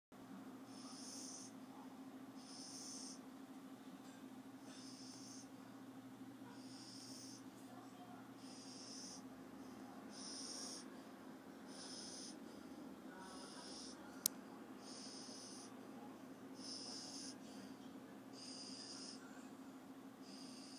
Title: Snoring